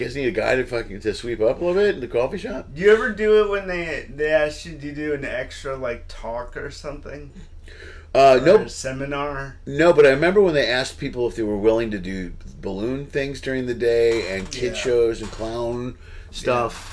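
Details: Adult men in conversation; Typical speech.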